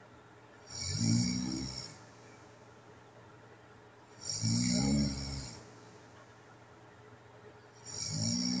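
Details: Overnight home recording of a person with sleep apnea: loud, rattling snores at about 17 a minute.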